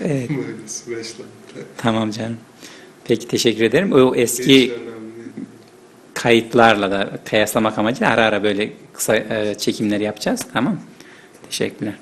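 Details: Adult man; typical speech.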